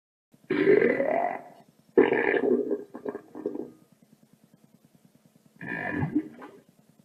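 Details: Sound-effect recording (stereo) of a rumbly tummy, not a real patient: three long, low gurgling, groaning rumbles with faint ticking between them.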